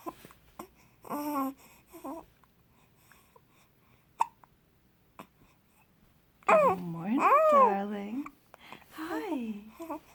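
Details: Baby with hiccups: short, abrupt catches between soft infant vocal sounds and babbling; infant hiccups.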